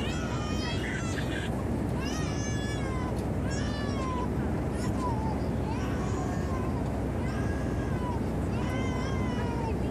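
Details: Infant crying throughout a flight: repeated high, wailing cries rising and falling over a steady loud roar of aircraft cabin noise; ordinary infant crying.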